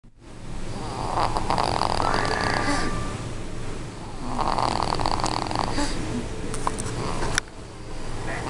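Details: Snoring recorded at three months of age: two long, rumbling, fluttery snores on breathing in, over a steady room hum.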